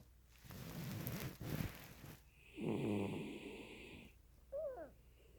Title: Kujo Snores